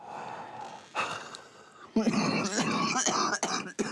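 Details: 18-year-old male with cystic fibrosis: a breath in, a forceful breath out, then a run of harsh, wet-sounding coughs with throat clearing: productive cough.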